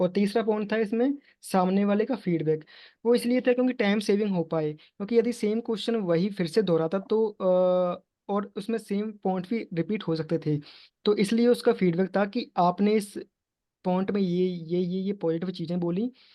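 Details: Man in an online stammering support group, Hindi, planning to use bouncing and prolongation techniques; word and part-word repetitions; stuttering.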